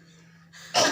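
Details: Adult male family-nursing patient practising the effective cough technique: a deep breath, a hold for a count of three, then one sharp, forceful voluntary cough burst to clear phlegm.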